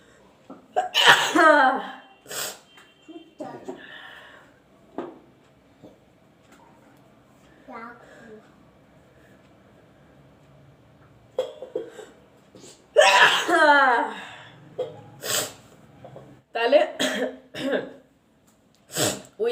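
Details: Sneezes induced by tickling the nose with a broom-grass flower in a sneezing challenge: several loud, explosive sneezes, some with a drawn-in breath beforehand, with talking in the background.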